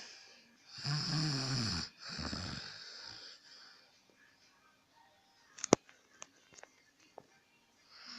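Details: Adult man snoring at about 10:35 pm: two loud, rough inspiratory snores, then quiet breathing and a few faint clicks.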